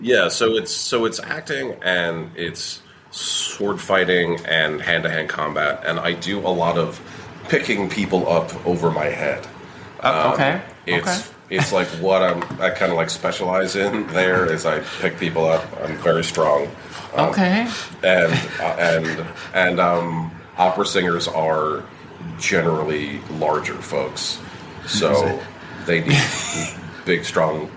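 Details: Adult man, a professional actor, who stutters and has worked on it for years; it was harder to control at first; he uses pausing and word switching and does not stutter when acting: stuttering.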